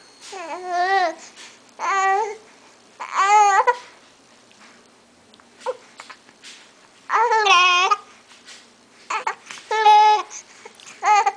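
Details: Infant (Jack) with hiccups, repeated wavering fussy cries in short bursts with pauses, going from happy to mad; infant crying.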